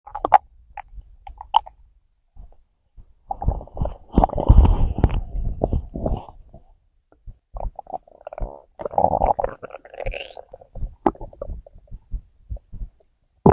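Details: Gurgling, bubbling rumbles in bursts with short quiet gaps; ordinary stomach growling (borborygmi) from gas and fluid moving through the gut.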